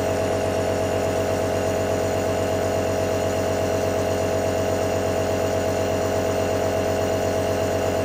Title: ASMR Nebulizer 1 Hour Sleep (feat. ASMR STONKS)